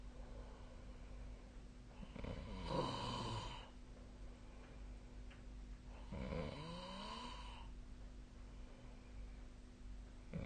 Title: 🐽 本日のイビキ / Snoring Sleep Sound 2025/03/03